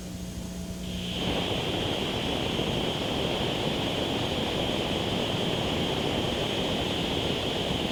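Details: A steady loud hiss like a pressure cooker, simulating constant hissing tinnitus; one patient has heard this sound permanently for 15 years, louder at some times and softer at others.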